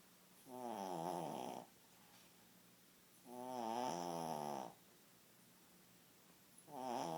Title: Snoring